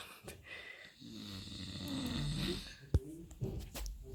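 Low, rough rumbling on a long breath with brief sharp noises around it; adult snoring in a small room.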